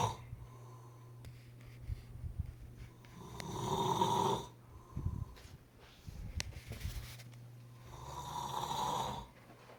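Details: Two loud rattling snores on breathing in, about six seconds apart, with quiet room noise between; ordinary snoring.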